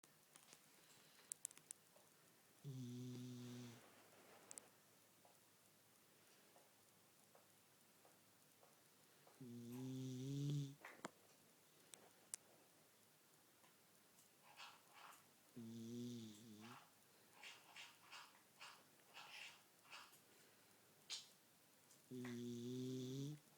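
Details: A dog (Ebony) snoring loudly while asleep, regular snores about nine per minute in a quiet room.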